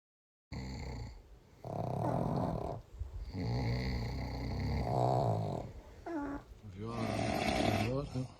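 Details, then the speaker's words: Loud, deep, rattling heavy snoring with whistling and gurgling tones, about four breaths in eight seconds, from a ranked compilation of funny snoring sounds. "We are ranking the top five snoring sounds."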